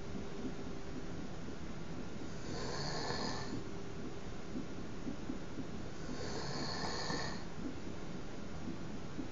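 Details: Adult fiancé snoring through the night during sleep: two slow, rough snoring breaths about four seconds apart over steady room hum; ordinary snoring.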